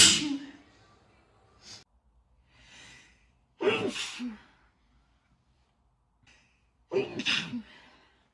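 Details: Several explosive, hissing bursts with quick breaths drawn in before them; repeated sneezes.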